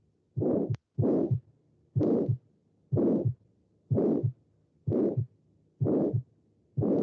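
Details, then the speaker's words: Aortic stenosis: regular heartbeat near 62 a minute with a harsh rushing systolic murmur filling the gap between the first and second heart sounds. "Es un soplo sistólico porque está entre el dub-dub, dub-dub, dub-dub, ¿no? O sea, entre los dos. Es súper rápido, ¿no? Si se dan cuenta, primero es el primer ruido cardíaco rapidito, viene el soplo y da el segundo ruido cardíaco."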